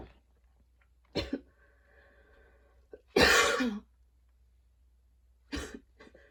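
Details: Long coughing fit after a run, with freshly cut grass outside (allergies) and fatigue: several harsh coughs with a faint whistling tone on the breath between them; wheezy coughing fit.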